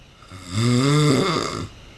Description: He was snoring loudly as he slept